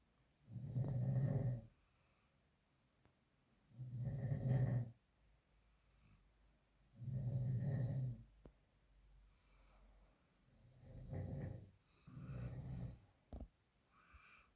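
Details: Adolf snoring: loud low rumbling snores with each breath, about 18 a minute, some fading toward the end, in a quiet room.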